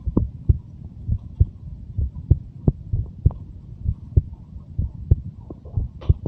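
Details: Normal heart sounds of a 23-year-old: steady paired low heart thumps at about 66 beats per minute.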